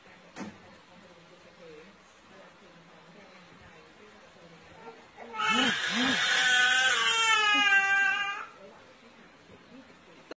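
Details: After a quiet stretch, a few catching whimpers lead into a sustained high-pitched infant wail lasting about three seconds; baby crying.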